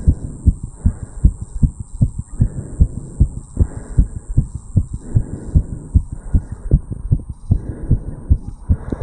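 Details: 35-year-old male's own heartbeat recorded through a stethoscope over the tricuspid area after jogging uphill: fast, regular beat at about 150 a minute, heart sounds after exercise.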